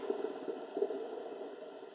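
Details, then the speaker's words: Electromyography from electrodes on a forearm muscle while lifting the hand: irregular crackling pops and bursts of varying amplitude over low hiss, force converted into motor unit firing rate; voluntary contraction motor unit action potentials. "you can see that those compound muscle action potentials are of varying amplitude and have pretty specific firing"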